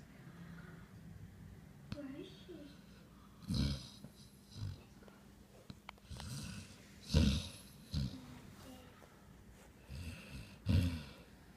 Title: Big Nose Snoring